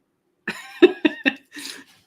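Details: A short run of four or five harsh coughs from an adult with a cold, slightly distant in the background of a small room.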